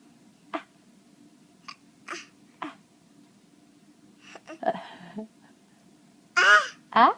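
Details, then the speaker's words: Baby with hiccups: several short, sharp catching sounds at uneven intervals, then brief baby vocal sounds; infant hiccups. "What are you doing, drill butt butt? You get the hiccups?"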